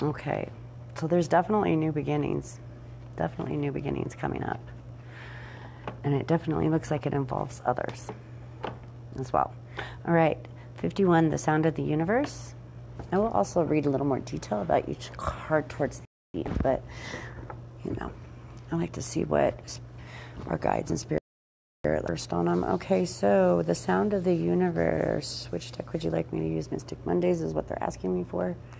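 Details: Adult woman with seizures under a neurologist's care, reading a passage aloud; stuttering.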